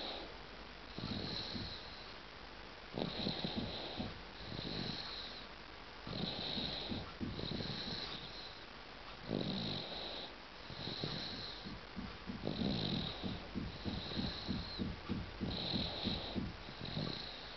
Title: 8 months old baby snoring.AVI